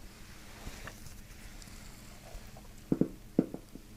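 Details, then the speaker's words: Bowel sounds during a chiropractic abdominal session: gut gurgles and rumbles. "Thank you for watching the video. My stomach says hi."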